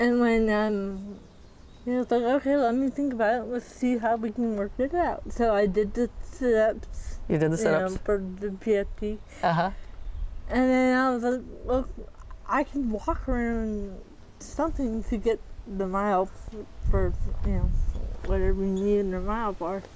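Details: 40-year-old woman with moderate athetoid cerebral palsy, quadriplegia, GMFCS level 3/4, moderate to severe physical involvement, uses a walker and power wheelchair; speech may be hard to understand; dysarthria (athetoid cerebral palsy).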